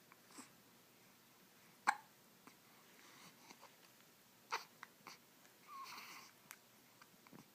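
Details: Hiccups on waking in the morning: a few brief sharp catches in a quiet room, two louder ones several seconds apart, with soft breathing.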